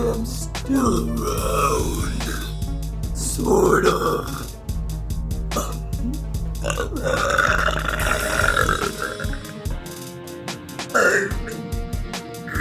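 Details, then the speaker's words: Girl burping: several loud, drawn-out burps over a steady music beat. "hey yo eating apples makes me burped"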